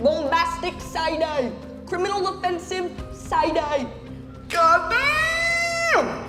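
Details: Woman with Tourette syndrome producing vocal tics, including cursing (coprolalia), while speaking on a panel at a Tourette convention, her first time speaking publicly.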